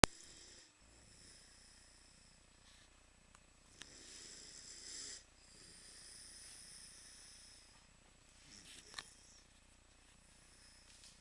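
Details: Northern Inuit dog asleep, having a nap: quiet, airy breaths with soft rhythmic snoring over faint room hiss.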